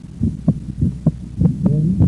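Regular low heart sounds with a second sound that splits into two close parts during breathing in.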